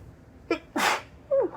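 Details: Woman having allergic sneeze fits, which she suspects come from air-conditioning filter dust, deliberately making her sneezes high-pitched: a quick in-breath, one sharp sneeze burst, then a short voiced sound.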